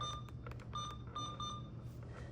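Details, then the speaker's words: Short electronic keypad beeps on an infusion pump while setting a normal saline rate of 1,000 mL per hour (pump may cap at 999), over low room hum; infusion pump keypad beeps. "So if the doctor wants 1,000 mLs per hour, here under rate, you're going to select rate and hit 1,000. The pump may only allow you to do 999."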